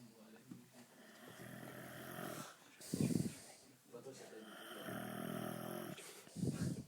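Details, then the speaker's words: A sleeping male snoring heavily: loud, rattling snores every few seconds, each with a harsh fluttering inhalation and a snorting release; snoring. "Là, il est en train de ronfler, là. Attends, je vais l'avoir. Bouge pas. Putain, comme il ronfle, c'est un truc de ouf."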